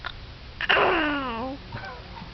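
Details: A single sneeze: a short intake, then a sudden explosive burst that trails off, in a small room.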